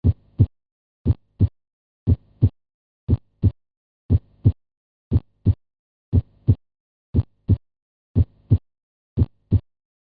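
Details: Animated clinical demonstration of normal heart sounds, emphasising the first heart sound (S1, lub): regular paired lub-dub at about 59 beats a minute, normal rhythm.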